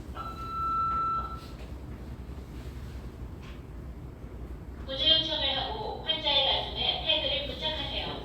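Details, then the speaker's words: Training AED during a CPR and AED lecture: short electronic tone, then recorded female Korean voice prompts. "전기 충격이 필요합니다. 전기 충격이 필요하답니다. 그러면 계속 가슴 압박을 해 주시면 되고 충전 중입니다."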